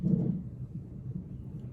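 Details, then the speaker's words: Fetal heartbeat on a labor monitor during induced labor at 39 weeks, mother 2 cm dilated: soft, muffled rhythmic whooshing pulses at about 150 per minute. "I don't know if you guys can hear baby's heartbeat,"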